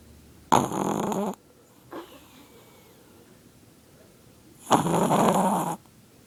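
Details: Two loud, rough, rattling snores with quiet pauses between, from a sleeping Chihuahua that at times snores with eyes open; loud snoring.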